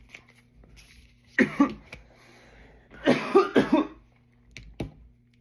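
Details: Adult coughing while talking: two short bursts of coughing, each a quick pair of harsh coughs, in a small room.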